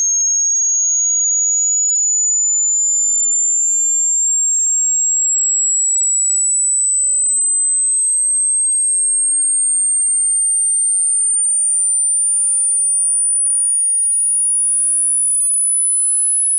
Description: The normal range of human hearing is 20HZ to 20,000HZ, but decreases with age.